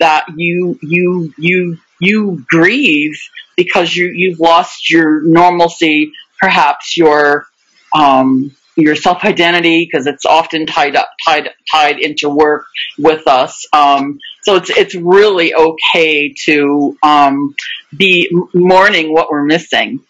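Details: Stuttering in an adult woman, a webinar co-host who stutters, with audible word repetitions.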